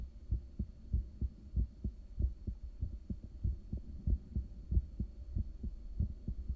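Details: Strong, regular low whooshing heartbeat thumps recorded with a home ultrasound device at rest in the early morning soon after waking, after caffeine and morning medication; rate not high, normal resting heartbeat.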